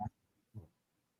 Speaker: Sorry you guys hear that snorting. I'm sorry. My dog is sneezing.